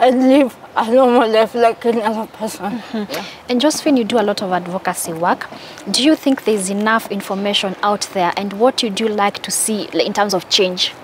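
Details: Adult woman; normal speech.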